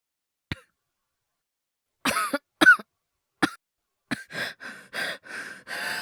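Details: Acted, simulated coughing and breathlessness by a male voice performer: a light throat cough, then several harsh dry coughs and a run of wheezy, strained breaths.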